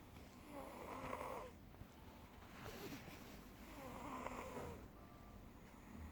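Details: Snoring.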